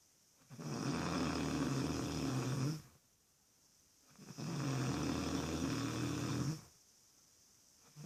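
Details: Loud snoring: two long, loud, low rattling snores on breathing in, separated by quiet breathing out, about 16 breaths a minute.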